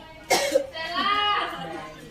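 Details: Simulated nursing bedside teaching, one hand on chest and one on abdomen: a deep breath in, then a single short, forceful cough with breathy exhale; demonstrated effective cough technique for clearing sputum.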